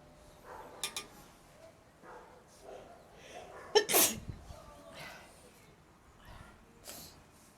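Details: Sneezing on a balcony, apparently triggered by something in the environment: a sharp, explosive sneeze among softer snuffling breaths and small bursts; a sneeze.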